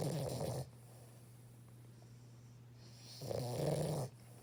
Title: Our puppy snores soooooo loud like OMG LOL